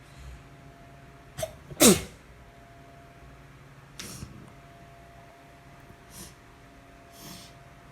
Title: Morning Sneezes